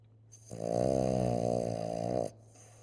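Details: Sleeping subject snoring: one sustained, steady, rattling snore lasting nearly two seconds, from vibration of the soft tissues of the airway.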